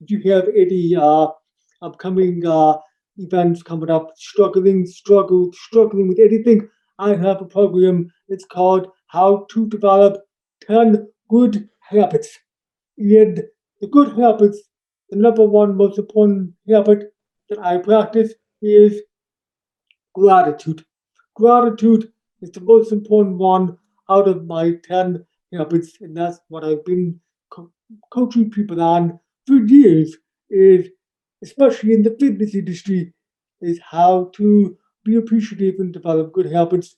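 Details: Adult man born three months premature in 1976, congenital hearing loss found at age two and a half, orally taught to listen and speak, also has ADHD; deaf speech (speech of a person with congenital hearing loss).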